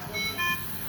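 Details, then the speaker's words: Mindray ventilator in an emergency-department demonstration, set for a female intubated patient; brief high electronic alarm tones sound repeatedly because nothing is connected to the circuit. Ventilator disconnect alarm. "Ini kayak gini, ini kan bunyi terus, bunyinya apa sih? Oh tuh, nah ini tuh disconnect nih, karena nggak ada itu."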